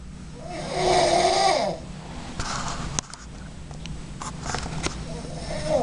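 One rough, rattling snore on an in-breath, followed by quieter breathing with some room noise: snoring during sleep.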